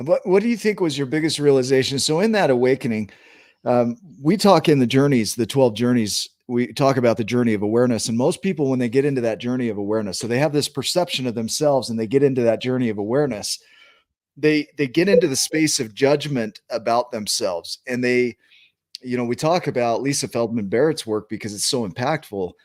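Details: Adult speaker; normal speech.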